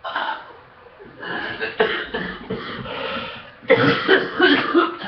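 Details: Morning coughing while sick, cough improving except in mornings, waiting for medication to work: bouts of repeated harsh coughs with brief pauses, a run of several at the end.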